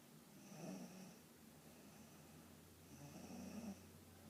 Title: My cousin is snoring